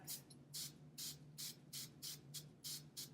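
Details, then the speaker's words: Homeopathic Influenzium flu-prevention liquid given sublingually as 10 pump sprays, taken monthly. Eight short, sharp, evenly spaced hissing bursts, about one every 0.4 seconds, over a low hum. "We do it sublingually, 10 sprays."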